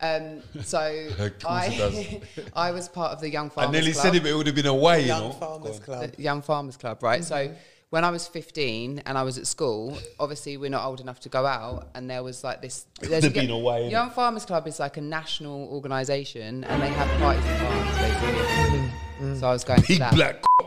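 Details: Male speaker with Tourette syndrome whose speech is interrupted by involuntary vocal tics; Tourette syndrome vocal tics.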